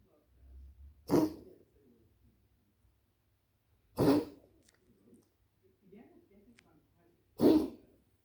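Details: A dog coughing indoors: three short, harsh coughing bursts a few seconds apart, with faint snuffling between them.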